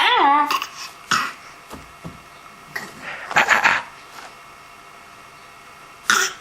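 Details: Infant coughing: a brief voiced coo, then a series of short, sharp coughs over several seconds in a quiet room.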